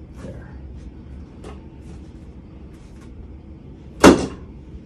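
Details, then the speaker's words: Faint room sounds, then one sharp loud thud as a chiropractic drop board releases during foot adjustment (talus, third metatarsal head) in a patient told they have scoliosis with flat feet; the board makes the sound, not the joint. "I'm going to be using my speeder board. I don't know if you've seen this or not yet. Sound is the board, not your ankle breaking, okay?"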